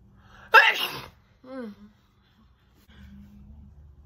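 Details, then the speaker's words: Female gives one sharp, partly held-back stifled sneeze, deliberately suppressed so it comes out oddly, followed by a few soft voiced sounds and quiet. "okay they're coming out weird because like i'm trying to hold back so they come out where when i do that"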